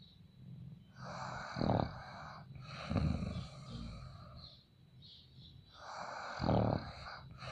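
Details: Person in Haryana snoring: low, fluttering snores with a breathy hiss, roughly one every five seconds, with a brief snort between them.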